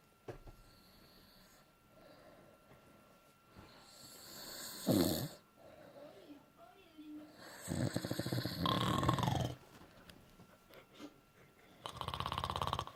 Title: Me snoring discustingly